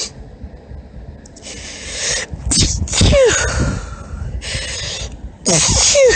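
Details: Female deliberately performing high-pitched sneezes: two high-pitched sneezes, each preceded by catching, hitching in-breaths; ordinary sneezing.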